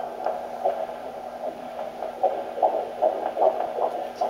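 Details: Fetal heartbeat on handheld Doppler at 15 weeks 3 days of pregnancy, first time heard; rapid, regular whooshing pulses over steady hum, about 150 beats per minute.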